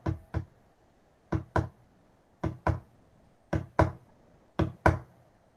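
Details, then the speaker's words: Tapped imitation of a normal heartbeat: paired knocks, first and second sound, with short systolic silence, about 55 pairs a minute; normal S1 and S2. "primer ruido el pequeño silencio y el gran ruido"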